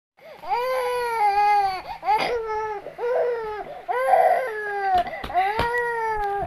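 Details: A very hungry infant's hunger cry: loud, rhythmic crying in sustained wails with brief gasping breaths between, while the mother was busy doing laundry.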